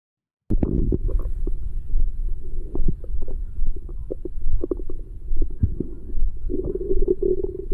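Irregular low gurgles and rumbles over several seconds; ordinary stomach growling (borborygmi) after a meal.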